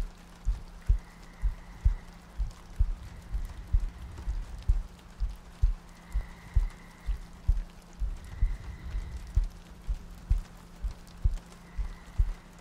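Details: ASMR sleep-aid loop, likely simulated: soft, regular low heartbeat thumps at about 64 per minute under rain ambience and faint tones, meant to sound like lying next to a partner; steady heartbeat.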